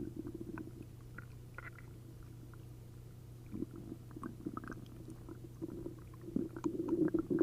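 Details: After drinking a liter of milk and a liter of prune juice, an upset stomach gives frequent bubbling, gurgling noises with liquid squelches, building louder toward the end: hyperactive bowel sounds (borborygmi).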